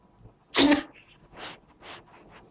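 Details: A cat that won't stop sneezing gives one sharp, loud sneeze followed by several softer sneezes in quick succession; repeated sneezing.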